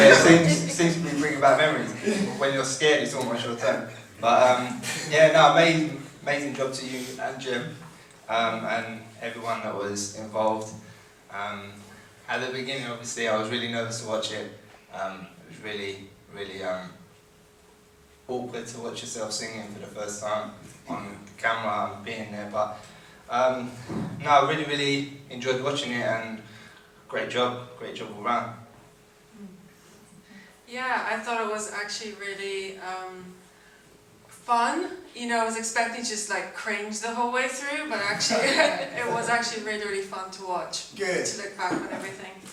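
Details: Adult living with a stammer, one of six people who underwent vocal training for a music project, speaking at a Q&A; stuttering (stammer).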